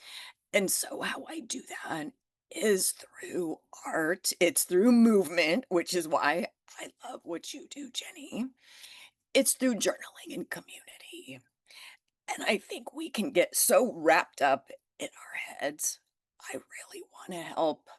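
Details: Adult woman who developed spasmodic dysphonia from stress after starting her business, still managing it naturally without Botox and saying it remains audible in her voice; spasmodic dysphonia.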